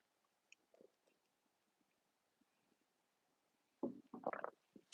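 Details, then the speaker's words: An adult's own stomach growling, recorded in a quiet room during a live stream: faint clicks, then a loud burst of irregular gurgling and rumbling near the end (borborygmi). "Can you hear my tummy making all that noise?"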